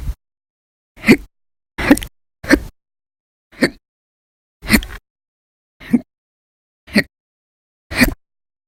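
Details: A persistent, violent, very loud hiccup bout, one of many lasting from minutes to over 12 hours between 11/1/19 and 11/20/19, some after naps; nine sharp, loud hiccups in about eight seconds, with silence between them.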